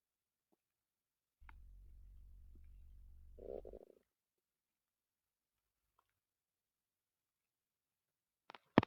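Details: A low, steady rumble from a male's stomach lasting about two seconds rises into a brief gurgle, then quiet: stomach growling, ordinary bowel sounds (borborygmi).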